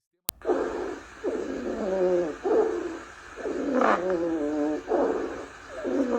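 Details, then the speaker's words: Rhonchi: deep, low-pitched, snore-like rumbling sounds in both breathing phases, louder in one phase; attributed to narrowed or secretion-filled bronchi. "Os roncos lembram o ronco de uma pessoa dormindo. São sons graves, de baixa frequência, aparecem na inspiração e na inspiração, mas ficam mais fortes na inspiração."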